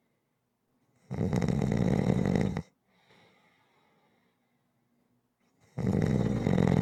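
Two loud, rough, vibrating breaths separated by a quiet pause: snoring on the in-breath.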